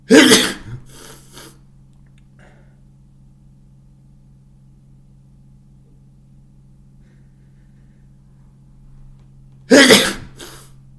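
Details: Two super loud, wet sneezes during a cold, about ten seconds apart, each followed by a short breathy after-sound, over a quiet low room hum.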